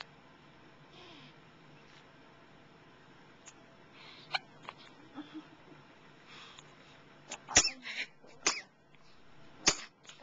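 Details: A baby's first hiccups, recorded on a Flip Video camcorder: brief, sharp, irregular catches of breath every few seconds, mostly in the second half, in a quiet room.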